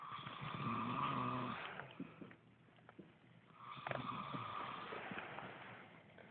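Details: Sleeping male snoring while a bystander talks. Two loud, rough snores with a rattling low buzz, separated by a quiet pause; ordinary snoring during sleep.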